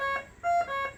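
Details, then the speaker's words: BiPAP ventilator high-priority alarm: quick run of bright, ringing electronic tones in a small room. "Low minute volume. And if it still maintains a low minute volume, it's going to escalate."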